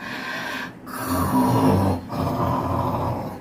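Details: Loud, low, rattling snoring in repeated long breaths with brief pauses between them, recorded after a filling dinner.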